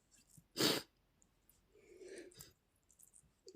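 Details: Male sneezing: one sharp, explosive burst, followed by quieter sniffing and breathing; a single sneeze.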